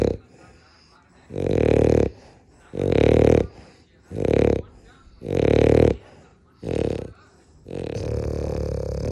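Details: Sleeping French bulldog snoring, common in the breed due to its anatomy and sleeping position: regular loud, buzzing snores, about six in nine seconds.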